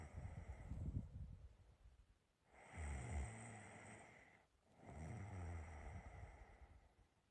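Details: Slow, low, rumbling snores with long breath-like swells about every two seconds or more over a steady background hum; person's own snoring recorded during sleep; snoring.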